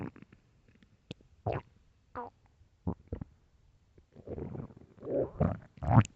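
Squeaky gurgles and drawn-out groaning rumbles that grow louder toward the end; hunger-related stomach growling, a normal bowel sound.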